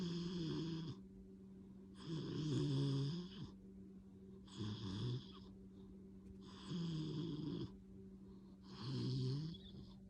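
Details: Dog snoring loudly like an old man: rumbling snores, about five in ten seconds, with a steady low hum between them.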